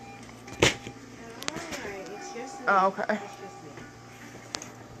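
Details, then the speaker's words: Pulse oximeter alarm on an infant born two months premature and on advanced life support with a tracheostomy: a steady electronic tone because the probe was not reading right, under brief voices and handling noise. "the alarm that you're hearing is just her oximeter that's just not reading right that's that's the alarm that I would hear if she had a low heart rate or if her if her oxygen was low"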